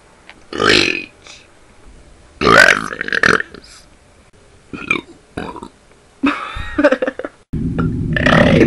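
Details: Repeated voluntary burping in a one-minute belching session: several loud, drawn-out belches in a row, with brief pauses between them.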